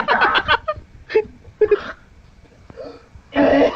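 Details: Person with a tormenting cough: a few short, harsh cough bursts with throat clearing in a small room.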